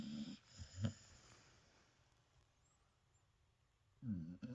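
A few soft, rumbling snores from a sleeping dog, separated by quiet pauses.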